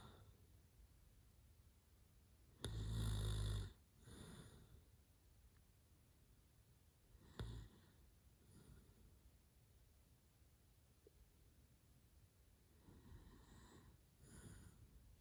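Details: Adult man asleep after trying to talk and smiling in his sleep: several low, rough snoring breaths with quiet gaps in a quiet room.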